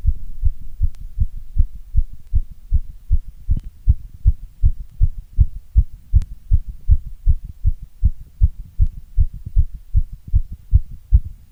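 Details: Strong, regular low thumps in steady pairs at roughly 80 beats a minute; a steady heartbeat.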